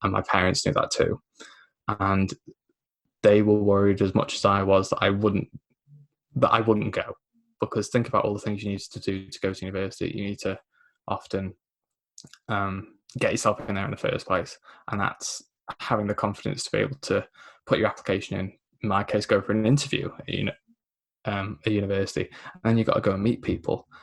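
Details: Man aged 24 with a lifelong stammer (dysphemia), mainly blocking, self-described recovering stammerer after the McGuire programme at 15; stuttering (stammer)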